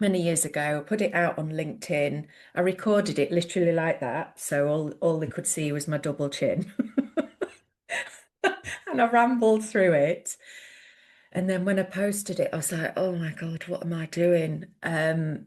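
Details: Adult woman; typical speech.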